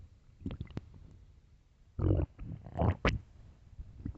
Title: late night stomach growls part 2